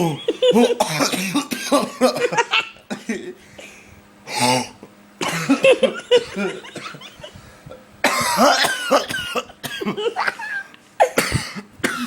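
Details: Prolonged coughing attack that kept going: repeated harsh cough bursts in a long run with gasping breaths between bouts, voices nearby.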